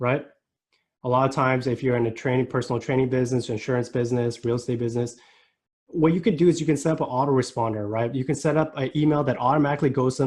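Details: Adult man; normal voice.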